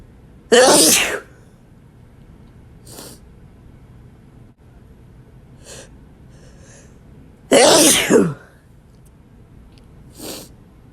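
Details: Two loud, explosive sneezes, each followed by a softer breathy sound, with quiet room noise between, from a sneeze compilation; sneezes.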